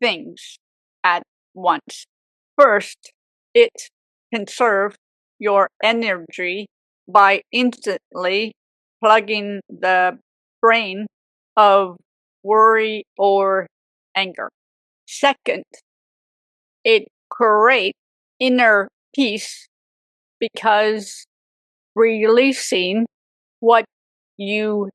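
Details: Woman with aphasia for 18 years after a severe stroke at age 44, also left with apraxia; aphasia.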